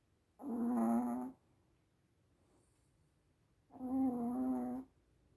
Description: Lucy Lu-such a loud snore for a tiny 4 lb Chihuahua!